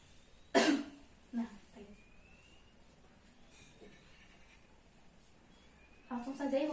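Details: Nursing-student practical demonstration of deep breathing and effective cough on a patient given warm water 30 minutes before: deep breaths out through the mouth, then a strong forceful cough on the count of three, followed by softer short coughs.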